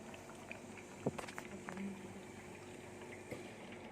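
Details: Soft gurgling and bubbling over a low machine hum as oxygen flows through the humidifier water of a running Respirox oxygen concentrator during setup.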